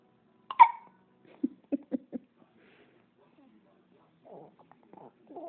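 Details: Hiccups: a sharp gulping catch followed by a run of short, quick hiccup-like jerks, with faint sounds after.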